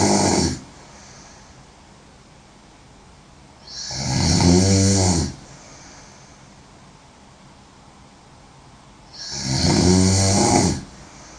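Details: Woman snoring very loudly: rattling snores on each inhalation, about 11 a minute, quiet exhalation between; habitual snoring.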